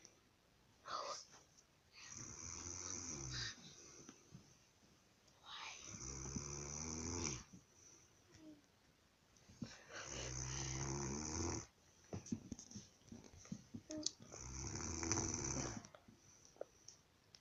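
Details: Loud, harsh, rattling snoring from a sleeping person, about four breaths in seventeen seconds with quiet pauses between; ordinary heavy snoring.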